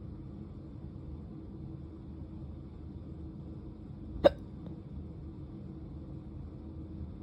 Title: drunk hiccups